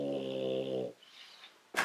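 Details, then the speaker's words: A sleeping dog gives a single low, buzzing snore, then a quiet pause and a brief noise: snoring. "She's snoring. I must be really freaking boring."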